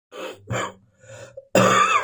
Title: Still coughing in the morning.